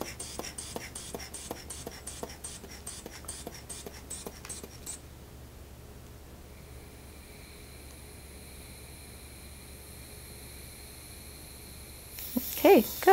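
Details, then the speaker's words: Nursing skills demonstration of a head-to-toe assessment on an adult male: about a dozen quick hand-bulb pumps inflating a blood pressure cuff over the brachial artery, then quiet with a faint tone; reading 140/80. "and i'm going to go ahead and check your blood pressure now for sure"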